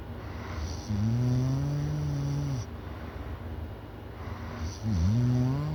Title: Loud snoring